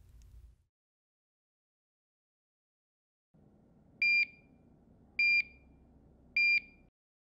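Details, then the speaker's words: Curlin 6000 infusion pump switched on with the ON button while setting up a home parenteral nutrition infusion: three clear high-pitched beeps about a second apart over faint hum, signalling its power-on self-checks are complete. "Presione el botón ON en la bomba. Escuche si hay pitidos que indiquen que se han completado las revisiones."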